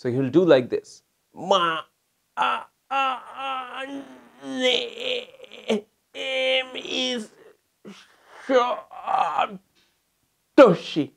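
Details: Acted imitation of stammering with effortful speech and facial distortion, attributed to the homeopathic stramonium type linked to a history of violent fear or fright.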